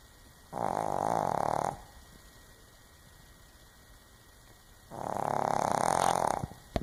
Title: snoring 2